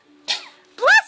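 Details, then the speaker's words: A dog gives two short huffing bursts, the second voiced and growly: a deliberate, trained voluntary (fake) cough. "That's Jillian's fake cough."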